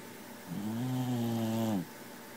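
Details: Sleeping cat snoring: a single drawn-out, tonal, buzzing snore lasting over a second.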